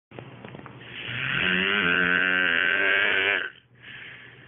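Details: Adult man snoring the night after drinking beer: one long, loud, rattling, buzzy inhaled snore lasting about two seconds, then quieter breathing.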